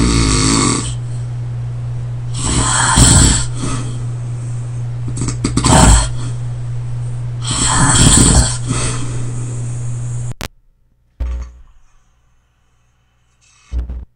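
Loud rough snores about every three seconds, then one snore cuts off abruptly into silence, a pause consistent with sleep apnea.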